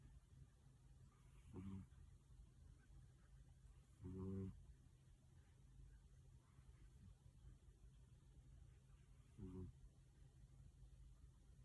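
Three low, rough snoring sounds spaced several seconds apart over a steady background hum.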